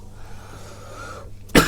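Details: Adult with a hoarse voice gives a single sharp, abrupt cough near the end of a quiet room with low hum.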